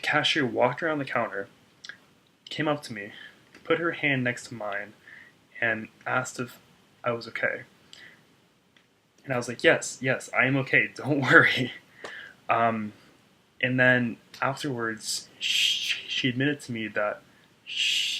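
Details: Stuttering in an adult man, a speech-language pathologist, who reports blocks on his name with eye tensing and head movements; part-word and phrase repetitions.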